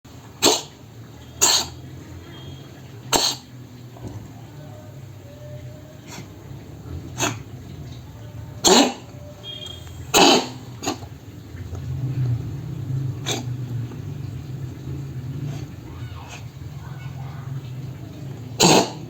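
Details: Cat coughing, with the owner asking why: repeated short, dry, forceful coughs in irregular bursts over a low room hum; cough.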